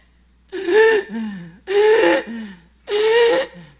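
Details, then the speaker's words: 3.5-year-old boy, in a home video, waking once or twice weekly at night struggling to breathe: three loud, strained, high-pitched noisy breaths with voiced catches between them. Episodes last 10–15 minutes and have led to emergency visits. Noisy labored breathing. "This boy will wake up once or twice per week in the middle of the night during sleep. And when he wakes up, he's struggling to breathe, and it's very scary. He sounds like this."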